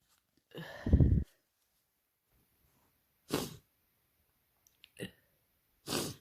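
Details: Non-binary person with a common cold for two days, self-described as highly contagious: a heavy, wet, congested sneeze, then smaller sniffling bursts and another sneeze; repeated messy sneezing.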